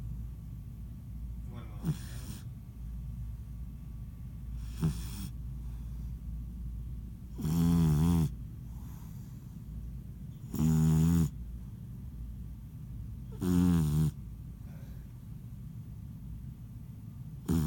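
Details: Small sleeper crashed after hard play, snoring with tongue noted; three loud rough buzzing snores at regular intervals, about 20 a minute, with quieter breathing between; snoring.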